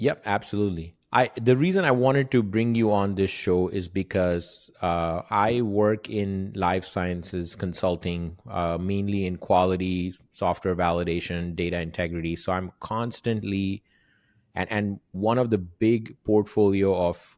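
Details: Adult man; typical speech.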